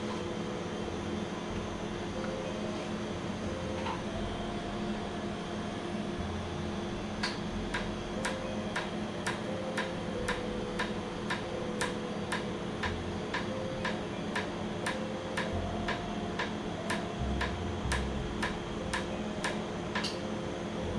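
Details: Laser tattoo removal first session, non-red ink, with fan: steady room noise, then a run of sharp snapping laser clicks about twice a second.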